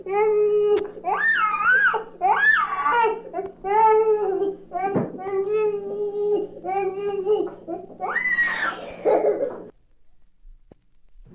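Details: Fussy protest cry in a toddler with a mild cold, from a 1967 recording of baby sounds.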